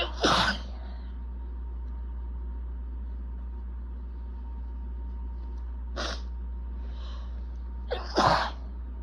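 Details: Itchy allergy sneezing fit with building congestion, recorded 3/21: three forceful sneezes over about nine seconds, last two close together, steady low room hum.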